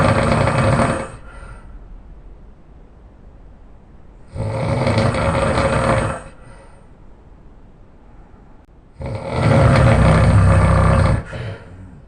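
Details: Adult man snoring very loudly during sleep: very loud, rough rattling snores on each in-breath, three in about twelve seconds, roughly fifteen breaths a minute, with quiet exhalations between; heavy snoring.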